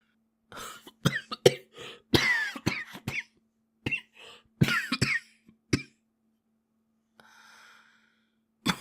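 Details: Japanese boy coughing repeatedly in short bursts, with throat clearing between them, in a quiet room.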